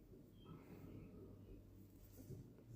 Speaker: You can hear my tummy growling. I'm about to go destroy a margarita pizza.